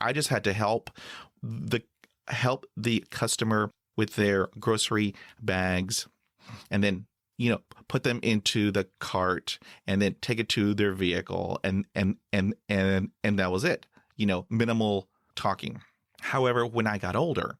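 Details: Stuttering in a 49-year-old adult man with severe blocks; part-word and whole-word repetitions heard.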